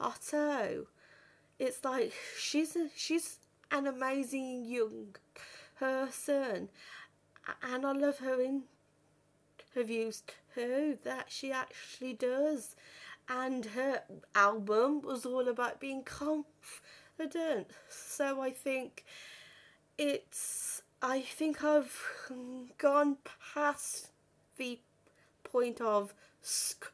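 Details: Adult woman who has stammered since about age five or six; stammering.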